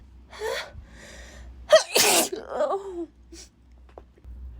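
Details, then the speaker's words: Person who says they normally never sneeze has a sudden sneezing spell; inward gasp then one loud explosive sneeze and a brief voiced exclamation: single typical sneeze. "oh this is just really weird because I I never sneeze I'm normally never like this laughs oh God I never sneezed so this is this is something this is something new"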